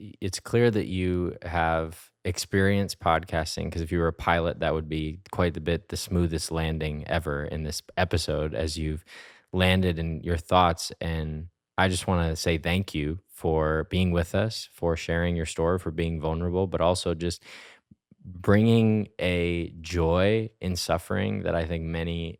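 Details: Adult man speaking; normal speech.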